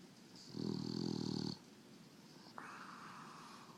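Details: English Bulldog snoring: a rough, rattling snore on one in-breath with a whistling nasal tone and faint background noise.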